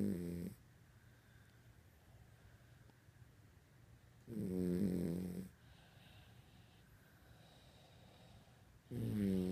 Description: This is what my dog does every night